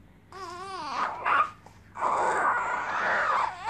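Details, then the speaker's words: Young baby boy eager for a feed: rising, wavering cry with a brief pause, then a sustained loud wail; infant hunger cry. "As you can hear, he's eager for a feed."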